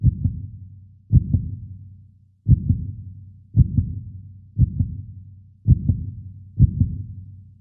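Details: Steady paired lub-dub heart sounds at about 55 beats a minute, a normal heartbeat, heard with a 3D animation of the beating heart.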